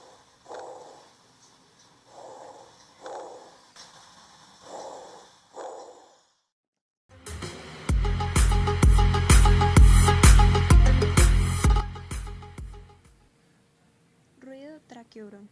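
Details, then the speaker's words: Normal tracheal (tracheobronchial) breath sound, heard with the stethoscope on the front of the neck over the trachea during inspiration and expiration: soft, hollow breath sounds in both phases. "ruido traqueal ino traqueal es el sonido normal que se escucha al poner el estetoscopio en el cuello por delante de la traqueia se ulta durante la inspiración y la"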